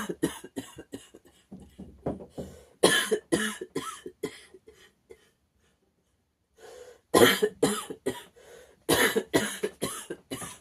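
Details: Child coughing in repeated harsh, barking bouts, typical of an irritated, swollen upper airway; barking cough.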